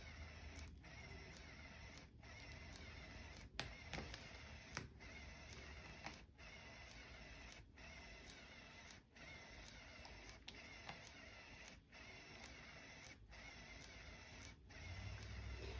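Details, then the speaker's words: CADD Solus VIP infusion pump priming home TPN (parenteral nutrition) tubing: faint mechanical clicks repeat about every 1.4 seconds over quiet room noise. "As you can see, this is continuing to prime all along."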